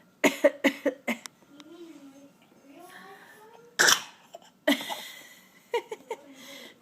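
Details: Young child makes short, playful pretend coughs in quick bursts, mimicking an adult's pretend cough; an imitation, not illness.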